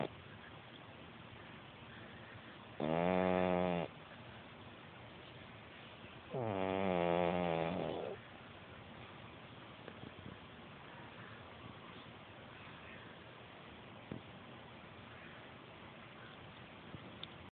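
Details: Cat snoring: two loud, buzzing snores about a second long with quiet gaps between them, typical of a sleeping cat.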